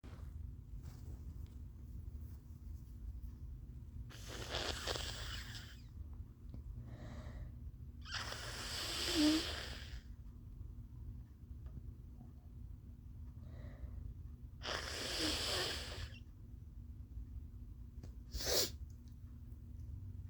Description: Felt these coming, so thought I'd share them.😁 🙏 My allergies have been giving me HELL today!😭👃🤧